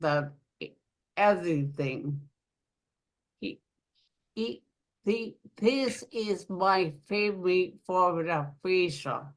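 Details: Aphasia following a stroke in an adult woman living in Rhode Island; aphasia.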